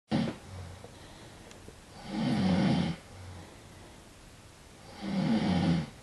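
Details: A man snoring who claims he is not asleep, with loud, rough inward snores about every three seconds, roughly 20 breaths a minute, and quieter outward breaths; snoring.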